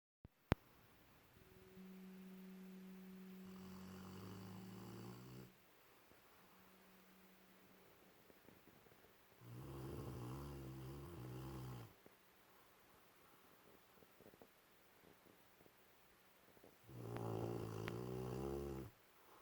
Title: doggo snores